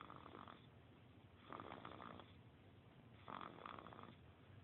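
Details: Baby snoring: soft rhythmic rasping noises with each breath, about three in under five seconds, over quiet room noise; light infant snoring.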